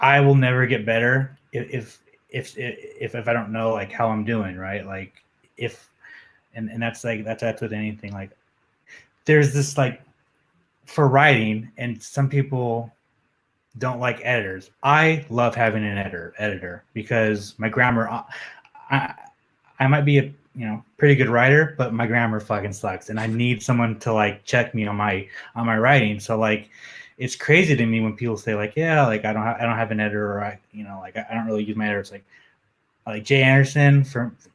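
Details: Adult man, an MMA journalist, who reports having a stutter that comes out when he is nervous; stuttering.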